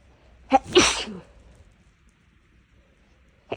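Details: A quick sharp intake and a loud burst of sneezing, then quiet and a faint start of another, after a nose tickle from something inhaled and a nose bothered for a couple of days; a sneezing fit.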